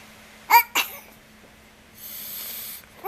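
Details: A smiling, happy baby makes two quick small bursts, a short intake then a release, like a tiny sneeze, with light room noise after. Sneezing.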